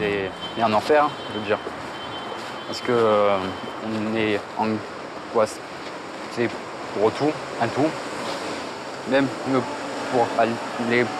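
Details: Male speaker with severe stuttering since age 4, buying a baguette; stuttering.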